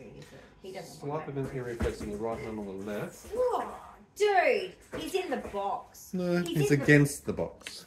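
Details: Adult man; typical speech.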